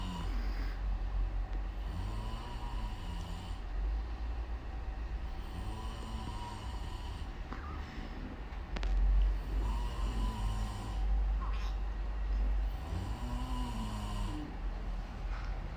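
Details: Adult father snoring, loud rough snores recurring about every 3–4 seconds, each a rising and falling rumble on the in-breath, over steady low room noise; baby startled by the sound.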